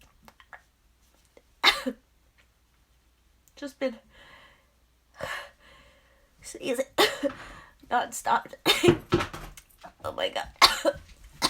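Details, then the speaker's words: Repeated allergy sneezing: several sneezes, each preceded by a drawn-out exaggerated vocal buildup, with brief "excuse me" speech between, in a quiet room. "oh my gosh sneezing is out of control today oh gosh oh still got more it's ugh i have to sneeze huh oh excuse me every time i blow my nose i have to sneeze again it just doesn't stop"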